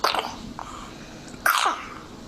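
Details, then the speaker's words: Young child breathing 60 breaths per minute, pulse oximetry 98% on room air, probable RSV: two short, wet cough bursts, a bronchiolitis cough. "that's a bronchiolitis cough and that's probably RSV"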